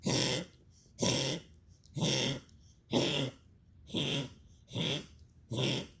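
A dog gives seven harsh, raspy coughs in steady succession, about one per second.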